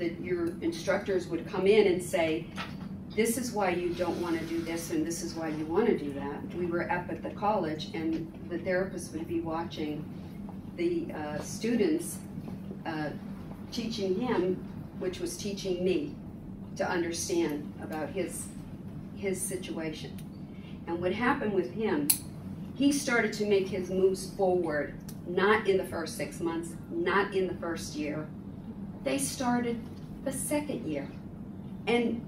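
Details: Adult woman; typical speech.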